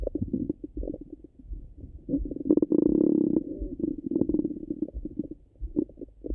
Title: Stomach Sounds Hungry and Full 🫧🩺